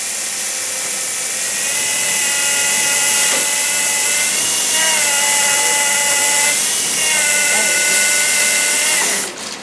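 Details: Implant drill preparing an implant site on a sinus model during a training demonstration: steady high-pitched motor whine with brief pitch dips as the drill loads, stopping near the end.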